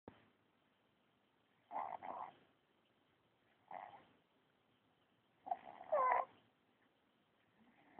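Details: Sleeping baby snoring: soft, short, rough breathing noises repeating every couple of seconds in a quiet room.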